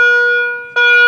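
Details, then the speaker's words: A manual defibrillator's charged alert in a demonstration: a steady, high electronic tone that briefly fades and resumes after the charge button on the paddles is pressed, signalling it is ready to shock. "প্যাডেলগুলো in স্লটে আছে, আর আমাকে প্যাডেলের charge বাটনটা টিপতে হবে, কারণ pedal থেকে charge করতে বলছে। তো প্যাডেলের মধ্যে যে চার্জ বাটন, এটা বলছে যে শক দেওয়ার জন্য বলছে।"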